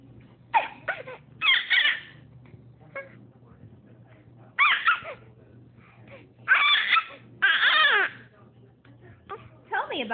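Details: Short, rising and falling fussy cries and whimpers from an infant, with quiet pauses between them and a low steady room hum: infant crying.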